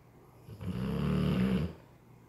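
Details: A single long, deep, rattling snore from a sleeping dog.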